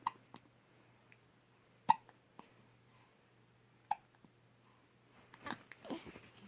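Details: Baby with hiccups: three short, sharp hiccups about two seconds apart in a quiet room, followed by faint rustling.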